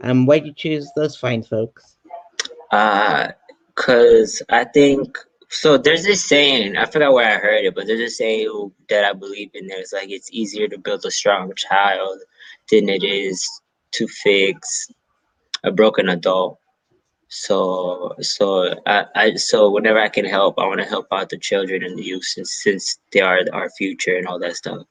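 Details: Adult male comic with a self-reported stutter, speaking in an interview; stuttering.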